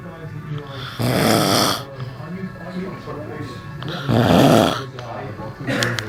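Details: Two loud, rough rattling snores on inhalation about three seconds apart with room noise between; a person snoring in sleep in a theatre crew room before work.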